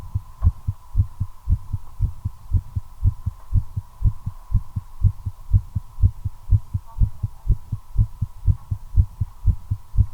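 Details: Steady deep thumping heartbeat at about 120 beats a minute over a constant faint hum, recorded while smoking a cigarette; heart rate accelerating from nicotine, tachycardia.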